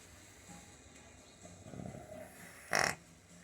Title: Tired horse snoring #shorts